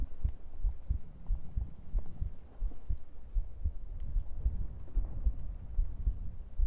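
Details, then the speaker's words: Muffled low thumps at about 74 beats a minute, heard through a microphone pressed against the body with rustling noise during an ASMR stream; ordinary heart sounds. "Okay, I think it's time for heartbeat. It's quiet."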